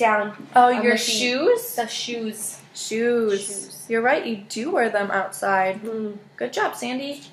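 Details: Adult woman clinician speaking; normal speech.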